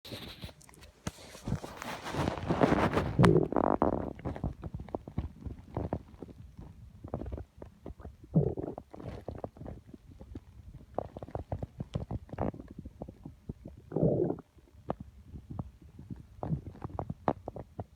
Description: Constant grumbling in my tummy. I could feel everything, in fact I could feel it with my hand.